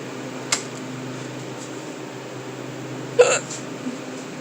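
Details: Persistent hiccups that wouldn't stop while stocking the cooler at work: two sharp, brief hiccup sounds about three seconds apart over a steady room hum.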